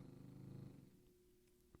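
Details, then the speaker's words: Pet curled up on its bed behind the speaker, snoring very loudly like a jackhammer: a loud, rough, rhythmic grinding noise from the nose and throat, fading out; snoring. "he's gonna sit in the background and grind grind I don't know what the is grinding that whatever it is it's hardcore and of its inside his nose it's in his throat"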